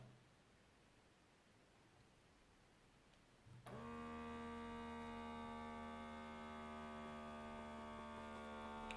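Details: Quiet room, then a steady electric pump hum as a Sanitas SBM 52 automatic upper-arm blood pressure monitor inflates its cuff; reading afterwards was 132/78 mmHg, pulse 77; cuff inflation.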